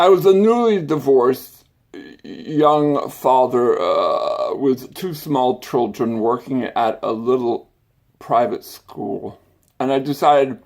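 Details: Adult with an acquired stutter and speech impediment that began after brain surgery with complications the previous summer; acquired stuttering with speech impediment.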